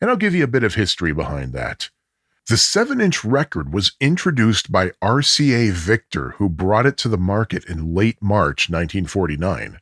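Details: Adult male narrator; normal speech.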